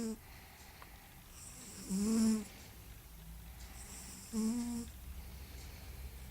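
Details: Sleeping cat snoring: two soft buzzing snores about two seconds apart, each on a breath in, with faint room noise between.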